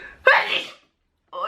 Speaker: oh right here I have a sneeze bless you